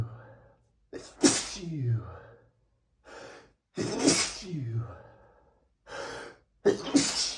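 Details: Three sneezes from a male, each preceded by a sharp inward gasp and ending in a loud explosive burst, with quiet gaps, from a same-day series of 100+ sneezes; sneeze.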